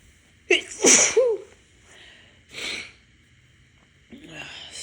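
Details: Adult sneezing from ragweed allergy, stuffy on waking, eyes watering: a gasping intake and an explosive sneeze, then a second softer sneeze and a short voiced sound.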